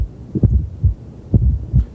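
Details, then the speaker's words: Teaching recording, bell of stethoscope at the fifth interspace midclavicular line, left lateral decubitus: low, dull thuds with a soft extra sound just before S1, timed with the P wave, a fourth heart sound (S4) from a non-compliant left ventricle. "s low frequency it's a very dull it's heard best with the bell of your stethoscope"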